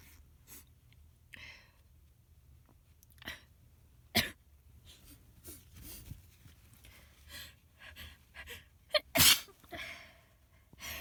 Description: I was incredibly congested and sneezing all over the place with this cold so here's one of the fits I had.